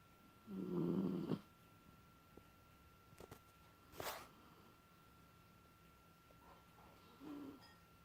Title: Smalldog Snoring